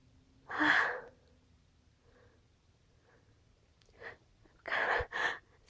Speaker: Phew. Gotta sneeze. Phew. Bless me.